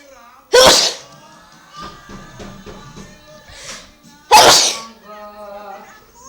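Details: Adult sneezing: mother gives two loud, sharp sneezes about four seconds apart, with soft voices and background music; her baby seems afraid of the sneezing.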